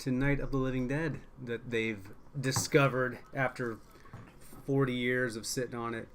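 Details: Adult speaker; normal voice.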